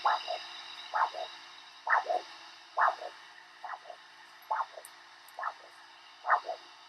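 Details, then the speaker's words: Doppler ultrasound over a foot artery (dorsalis pedis or tibialis posterior) during ankle-brachial index measurement: rhythmic whooshing pulses, about 67 a minute, each a loud swish with softer echo; normal Doppler arterial pulse signal. "Now, using a Doppler ultrasound is pretty tricky. It sounds something like this if you get it right."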